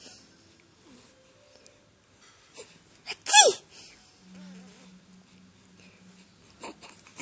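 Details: A single sharp sneeze from a mother in a quiet room with faint background talk, making her baby smile: an ordinary sneeze.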